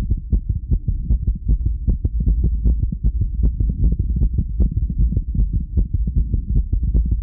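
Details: Resting heartbeat that the recorder feels is oddly fast for rest: steady low thumping at roughly 75–80 beats a minute with a low hum underneath.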